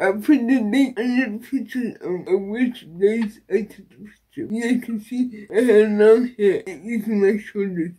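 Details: Woman with cerebral palsy and a Baclofen pump, previously hospitalized after a Baclofen pump overdose; dysarthria.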